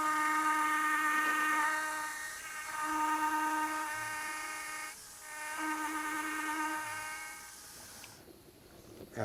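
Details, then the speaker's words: High steady whine of a dental implant drill with drill stop, running in bursts as the final osteotomy for a TSI implant in the lower first bicuspid area is drilled to full depth. "we have a drill stop on the final drill this also has an angle right there at the bottom that will fit down into the countersink hole and make sure that we're down to the bottom of the osteotomy"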